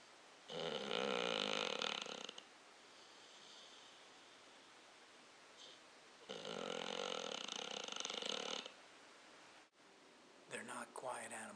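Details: Adopted American Bulldog curled up asleep on a chair: two long, loud, rough snoring breaths with a faint whistling wheeze between them, heavy snoring with a slight wheeze.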